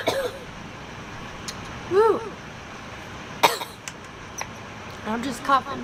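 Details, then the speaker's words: Irritant cough in a young woman right after a large cannabis bong hit: a few short, harsh coughs and throat clears with breaths in between. "coughing from that bong hit. I'm gonna get so high and cough so much after I take a dab."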